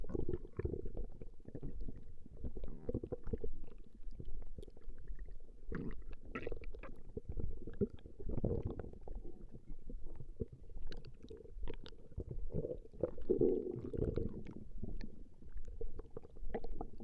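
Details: Recording of a woman's stomach growling: continuous low, irregular, rolling rumbling and gurgling from the belly; normal gut movement, borborygmi.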